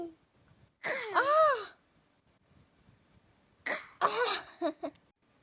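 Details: A young child (little sibling) playfully fakes two exaggerated, voiced cough-like bursts, the second trailing into short catches, in a quiet room; an acted, deliberately overdone cough.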